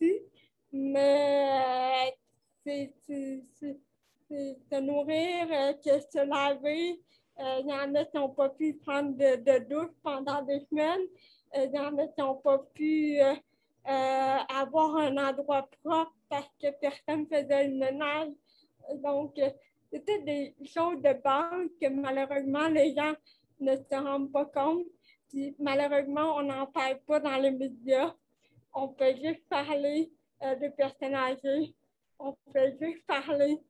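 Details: Dysarthria from cerebral palsy in a 29-year-old woman, caused by lack of oxygen at birth; she says her speech is affected; real conversational French speech.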